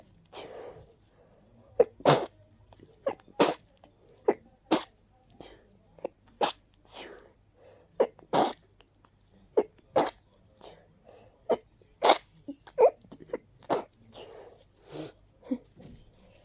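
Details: A long run of short, sharp, stuffy, sniffly sneezes, many muffled into tissues, with breaths between, during a cold; sneezing.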